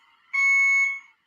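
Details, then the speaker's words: Hospital IV infusion pump at a son's bedside, recorded around 6 a.m.: a single loud, steady electronic buzz of about half a second, alerting the nurse to a problem with the medication line. "whenever something's off with the meds or with anything to do with him we get this buzzer right and I guess it's supposed to alert the nurse right"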